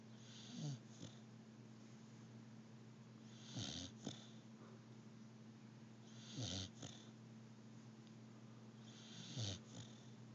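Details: Pit bull snoring during sleep: soft snorting snores every three seconds or so, about 20 breaths a minute, over a low room hum.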